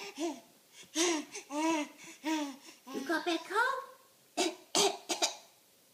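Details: Cough: rising and falling voiced sounds like laughter or moaning, then four abrupt, harsh bursts in close succession; described as a bad cough.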